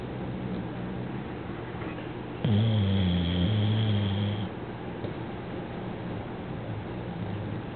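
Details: Tilly snoring loudly while asleep: a single loud, buzzing, two-part snore lasting about two seconds over steady background noise.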